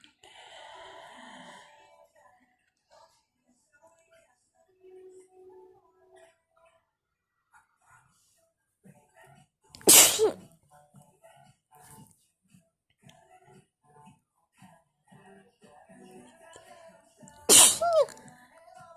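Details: Wet, messy sneeze attack: two loud explosive sneezes several seconds apart in a quiet room, with faint voice and rustling between; repeated sneezing.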